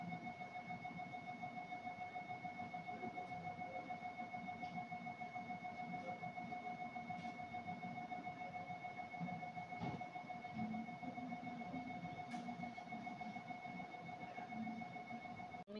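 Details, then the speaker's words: GE HDXT 1.5T MRI scanner running a dynamic brain perfusion sequence (40 dynamics) after contrast injection: steady loud electronic tone with a fast rhythmic buzzing pulse; MRI scanner acquisition noise. "ये हमारा 40 40 dynamics यह पूरे complete होंगे इस तरीके से हमारे dynamic य आते ही रहेंगे"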